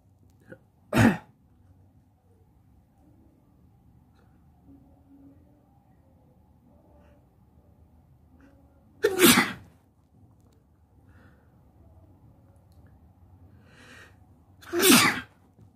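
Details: A person sneezing while sitting on a bed: three separate sharp sneezes spread across a quiet stretch, with faint room noise between them.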